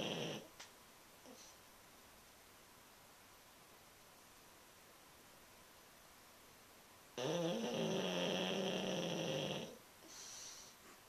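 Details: Sleeping pet snoring, tail twitching a couple of times: one long, buzzing, nasal snore after a quiet stretch, then a softer breath.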